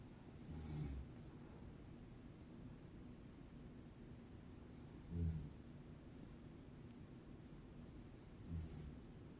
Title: My Mom Snores like a Monkey 🐒🐒🐒